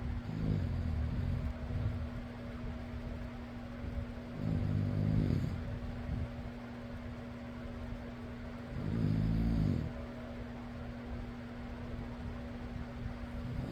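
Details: Steady fan hum with two low, rumbling snores about four seconds apart, rising and fading with each breath in: snoring.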